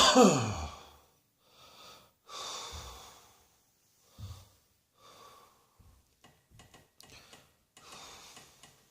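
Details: A few harsh, breathy cough bursts with gasping breaths between them, likely performed on purpose.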